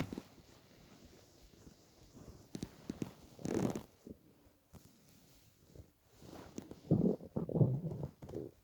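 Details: Stomach growling (borborygmi) while lying in bed after 28–30 hours of fasting, with weight loss from 65–67 kg: low, irregular abdominal rumbling and gurgling bursts, loudest near the end.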